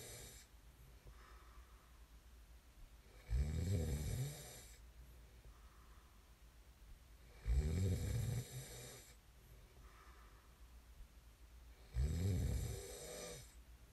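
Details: Snoring ASMR recording: low, rumbling snores with each breath in, about 14 a minute, separated by quieter breathing.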